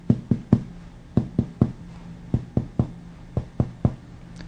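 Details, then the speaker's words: Chest percussion with the patient supine at about the fourth intercostal space, moving medially from the anterior axillary line: about a dozen taps shift from hollow lung resonance to duller, shorter thuds, marking the left heart border. "begin percussing from about the anterior axillary line and move medially to the hear business of the lung change to dullness do you notice the change at that point"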